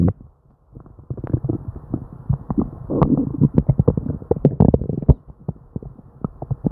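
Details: Hyperactive bowel sounds during diarrhea with upset stomach: near-continuous gurgling and bubbling with frequent bursts.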